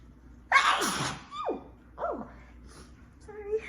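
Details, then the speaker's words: Adult with allergies in a sneezing fit: a loud explosive sneeze followed by two smaller sneezes in quick succession, in a quiet room; allergy-related sneezing. "i keep having these big sneezes i can't help it oh i'm knocking out my airpods come back"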